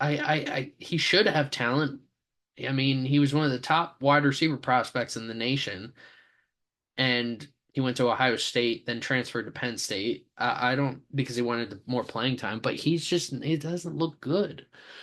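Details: Stuttering in a male sports podcast host who says he has a stammer; repeated words and part-words are heard.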